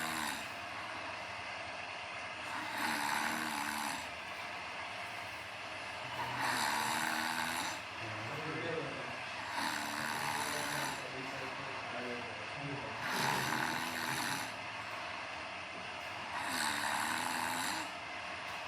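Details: Snoring: five rhythmic snores at about 17 per minute, each a harsh rumbling in-breath, over steady background noise.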